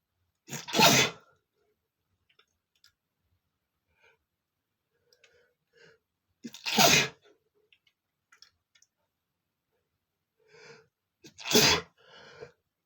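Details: Adult male sneezing after tickling his nose with a feather: three loud, sharp sneezes, each preceded by a short in-breath, separated by quiet pauses and small sniffs; sneezing.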